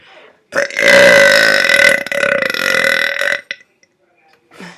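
One long, loud, rumbling burp lasting about three seconds, followed by a short pause and a faint breath.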